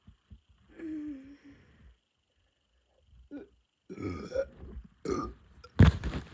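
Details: Burping after chugging a whole can of Sprite, with stomach ache: a long, low belch early on, then several louder, rough belches near the end, in an otherwise quiet room.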